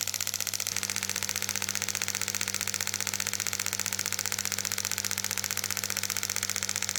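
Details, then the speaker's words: Shockwave therapy device on the front of a patient's shoulder for bicipital tendinitis, intensity gradually turned up: rapid, even clicking pulses about three a second over a steady hum. "right now I'm going to show you what that shock wave therapy looks like and for right now my patient right now is dealing with a little bit of bicipital tendinitis right in this front part of the shoulder here"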